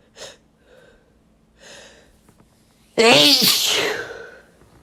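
Two soft in-breaths, then one loud explosive voiced sneeze fading off; a single ordinary sneeze.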